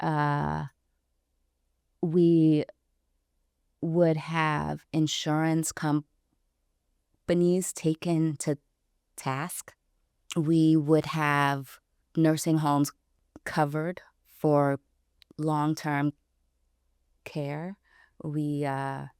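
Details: Stuttering in an adult woman, about 29 or older, who self-identifies as a person who stutters; pauses between phrases; stuttering.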